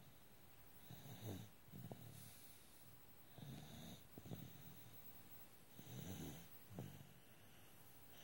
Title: Snoring...